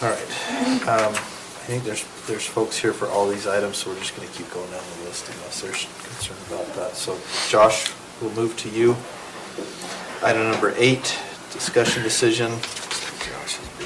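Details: Adult man speaking in a meeting room; Normal voice.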